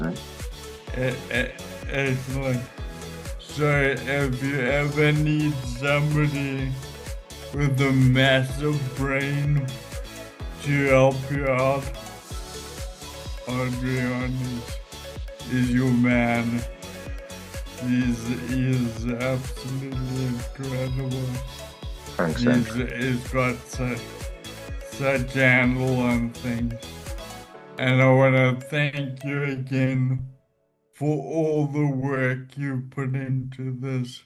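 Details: Ataxic dysarthria in a man with Friedreich's ataxia, whose speech ordinary AI speech recognition does not always pick up; a speech recognition program has been adapted for his speech.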